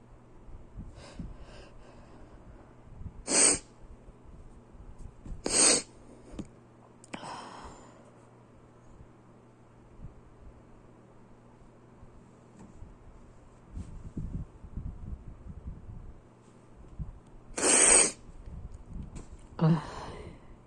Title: sneezing